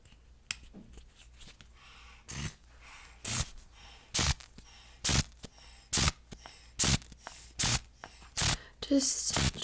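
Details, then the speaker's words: Simulated ASMR nurse-exam roleplay: about eight rhythmic squeeze-and-hiss pumps of a hand bulb inflating a manual blood pressure cuff on the left arm in a quiet room; reading normal at 125/62, heart rate 78, SpO2 98% on room air. "i'm going to put the cuff on your arm do you have a preference okay in that case let's go ahead and use the left arm okay"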